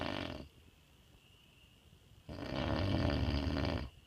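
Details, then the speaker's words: Person asleep on a fishing trip, snoring: loud, rough, low rattling snore on each in-breath with a quiet pause between breaths; ordinary snoring. "Sound asleep. roll over. You're snoring like a mother."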